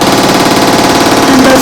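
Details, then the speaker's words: Deep TMS helmet treatment for depression on a volunteer demo subject, not a real patient: loud, rapid, steady clicking buzz of a magnetic stimulation pulse train, followed by a 20-second break and a warning before the next round. "what it will sound like so that's the noise that comes right and there is a 202nd break then the machine gives you a warning that the next round is coming"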